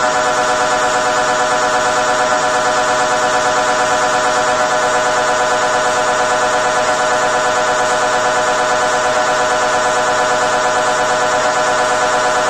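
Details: MRI scanner inside the scan room during a brain scan: loud, continuous, rhythmic buzzing and droning; normal machine sound.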